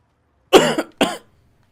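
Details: Two short, sharp coughs in quick succession in a quiet room; cough.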